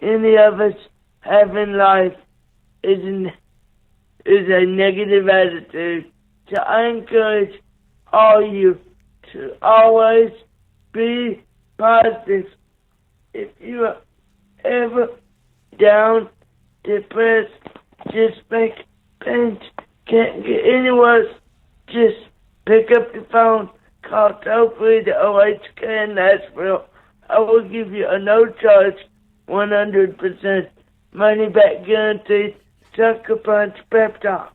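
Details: 27-year-old man with cerebral palsy, born three months premature after a car crash, with neonatal brain bleed and stroke, right-sided paralysis, blindness and seizures: dysarthria (cerebral palsy).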